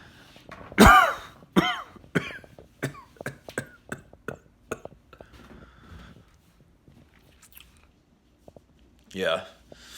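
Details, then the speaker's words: A harsh opening cough, several shorter dry hacking coughs, a pause, then one more; worsening dry hacking COVID-19 cough around day 5 of isolation, no fever, headache with each cough, breathing still fine. "i'm just permanently coughing now just a really gross hacking dry cough and i also have a headache so it's like every time i cough my head hurts at the same time really bad"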